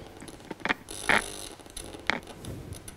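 Brief crackling, scratchy bursts over low static as the needle electrode moves into muscle: normal insertional activity.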